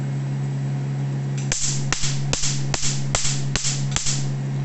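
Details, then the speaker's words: A home tattoo removal laser, fired via foot switch on a tattoo's second treatment, gives sharp snapping pops about twice a second over a steady electrical hum; the popping is said to be hair follicles exploding under the skin. "okay you hear that popping that popping is actually hair follicles exploding Under the Skin"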